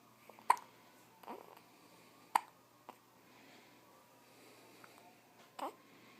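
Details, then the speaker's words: Very tiny young baby with hiccups: brief sharp hiccup sounds, several over a few seconds at irregular intervals, in a quiet room. "You got the hiccups, boo. What's the matter?"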